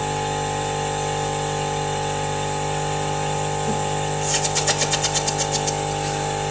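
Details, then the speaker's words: Simulated EMT nasal suctioning on a manikin, inserted to a depth measured from nose to earlobe, suction applied no longer than 15 seconds while withdrawing: steady motor hum, then rapid rhythmic gurgling pulses. "you can go ahead and turn it on and go in and no longer then once you start suctioning by placing your finger here in no longer than 15 seconds as you slowly come out"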